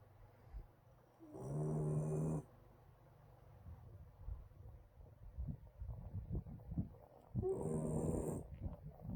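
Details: Shiba Inu puppy snoring while asleep: two long, rattling snores with a faint whistle, separated by quiet rustling breaths.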